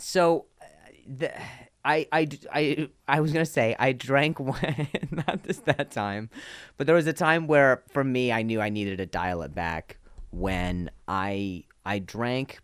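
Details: Adult male comedian who stutters, with audible part-word and whole-word repetitions; stuttering.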